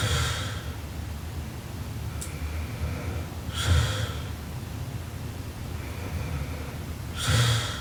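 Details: Sleeping Japanese girl snoring very loudly: rough, low snorting breaths about 17 a minute with noisy room sound between; heavy snoring.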